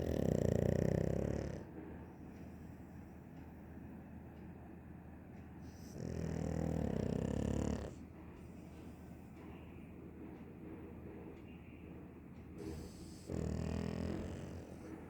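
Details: Loud, rumbling snores on each breath in, about four a minute, separated by quiet exhalations; very loud snoring in a sleeping dog.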